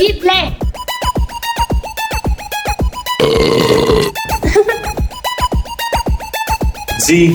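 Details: Comic burp sound effect, not a real person: a loud, drawn-out rough belch over a steady electronic beat.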